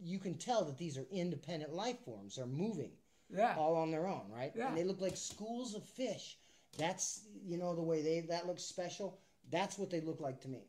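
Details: Adult speaker; ordinary speech.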